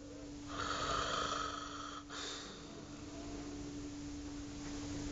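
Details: Snoring during sleep in a hospital setting: one rasping snore lasting over a second, with a steady monitor-like tone and room hum behind it.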